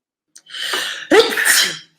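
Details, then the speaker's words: Single loud sneeze, one of a run of sneezes: hissing in-breath, then explosive voiced burst. "It was a matter of time before I started sneezing, wasn't it? Excuse me."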